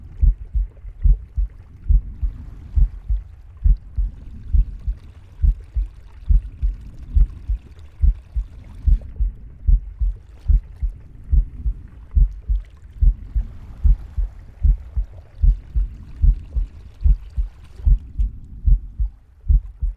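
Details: Steady low heartbeat at about 72 beats a minute, with soft breath sounds and gurgling gut noises.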